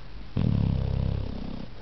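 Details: Pit Bull sleeping comfortably, snoring loudly: a single deep, rumbling, fluttering breath sound.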